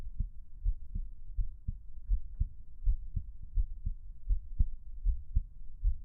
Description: Just a small recording of my heart beating away.